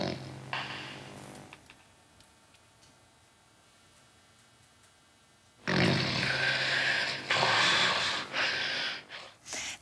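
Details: Loud snoring, then several seconds of near silence without breathing, then loud snorting, gasping snores resume: a breathing pause (Atemaussetzer) in dangerous snoring with sleep apnoea.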